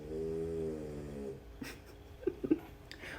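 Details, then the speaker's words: A sleeping pet dog gives one drawn-out, buzzing snore, then quiet breathing with a few soft clicks; snoring. "speaking of dogs can you hear piggy snoring there she is [Laughter] she's snoring"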